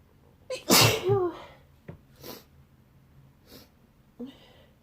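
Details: Person who woke with a tickle in the nose, sneezing in bed: a sharp intake, then one loud wet sneeze, followed by sniffing and soft breaths; part of a wet sneezing fit.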